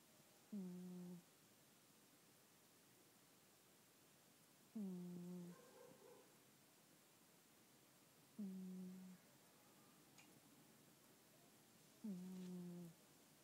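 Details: Sleeping cat snoring very quietly: soft, regular, brief low hum-like snores, about four in 13 seconds.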